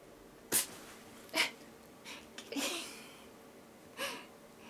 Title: Funny Cat Sneezes and Scares Mom